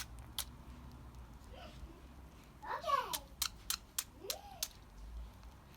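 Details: Unwell budgerigar: a run of short, sharp repeated sneezes with a few chirps between them in a quiet room, distinct from normal sneezing; later vomiting with head shaking and high-pitched coughing.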